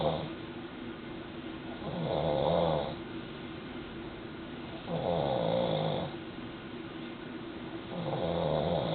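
Rhythmic rough snores, about 21 a minute, with a steady low room hum: snoring in sleep.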